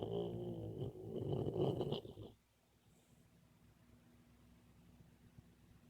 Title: Boxer puppy snoring and dreaming.